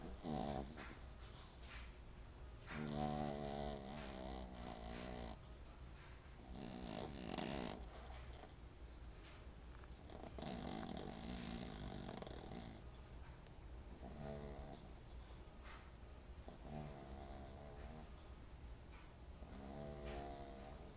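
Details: Loud snoring from small Tyson: repeated rough, rattling breath sounds with a steady low hum in the background.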